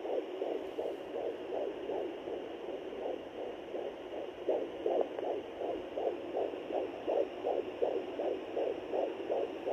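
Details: Fetal heartbeat on Doppler at 13 weeks 5 days: rapid, regular whooshing pulses at about 160 beats a minute, normal.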